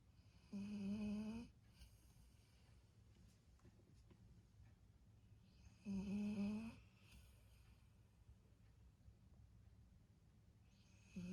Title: Snoring Golden Retriever